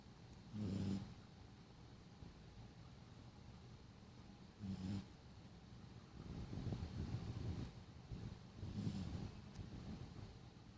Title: Snoring sleeping dog